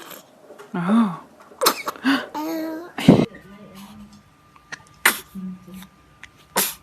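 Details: Baby: several short, sharp sneeze bursts with small vocal sounds between them, faint music and room noise; ordinary infant sneezes.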